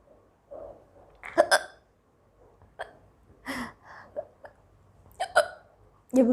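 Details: Several abrupt, sharp gulping hiccups mixed with soft speech and laughter from an Indian young woman who has had hiccups for a long time and is trying black pepper powder; the recording also has sneezes and a little cough. Hiccups.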